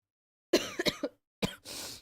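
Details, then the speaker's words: Person who is sick and has been coughing a lot all day, unable to sleep because of it: a short cluster of three or four coughs, then a harsh throat clear. Cough. "I was I was trying to sleep a little bit, you know, since I'm sick trying to just like relax. But could not do that cuz I kept coughing all the time."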